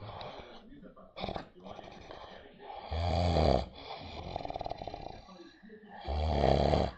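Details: Adult man (father) snoring during sleep: loud low rattling snores recurring every few seconds, quieter breathing between, faint room noise; snoring.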